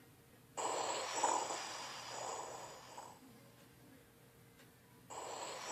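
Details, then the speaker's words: Pleural friction rub: harsh, discontinuous sounds from inflamed pleural layers rubbing together while still in contact, like two pieces of leather rubbing. "frotes o Roses pleurales son ruidos discontinuos ásperos que se deben al Rose de las hojas pleurales cuando están inflamadas el sonido sería parecido al Rose de dos cueros"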